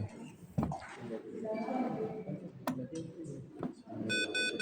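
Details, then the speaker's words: Ventilator mains failure alarm after the power cable is unplugged and the device switches to battery (about 2 hours per specification): rapid repeating electronic beeps following room talk. "Mes failure. Nah, kalau ada nemu main failure berarti ini dicabut kabelnya"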